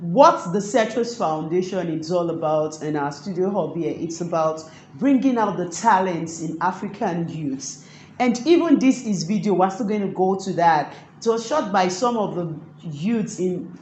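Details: Adult speaker; fluent speech.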